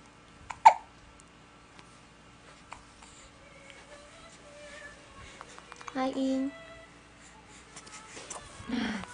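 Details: Newborn girl, 18 days old, with hiccups: a sudden, sharp hiccup followed by soft fussing sounds in a quiet room.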